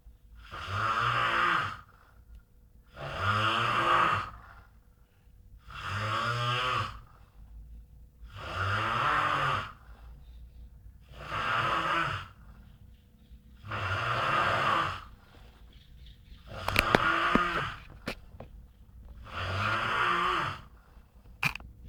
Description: a giant man snoring during winter